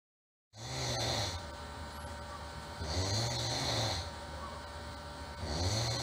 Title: Sound | Human | Very Irritating Snore